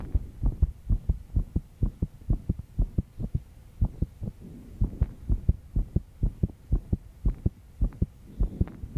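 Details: 22-year-old woman stressed after an all-nighter: quick, steady low heart thumps over faint background hum; rapid heartbeat.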